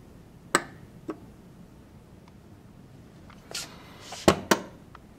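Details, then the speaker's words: Maquet Servo-i ventilator pre-use check during the safety valve self-test: scattered sharp clicks and brief hissing puffs, the expected sounds showing the ventilator is working. "it's still running that you can see it's making a lot of sounds when it's doing these tests to indicate that it is in fact working"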